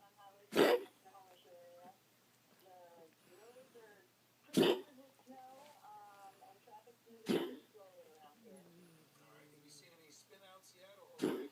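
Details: Yorkiepoo with a persistent gagging dry cough unresponsive to antibiotics and cough medicine, cause unknown: four sharp, dry, hacking coughs spaced seconds apart.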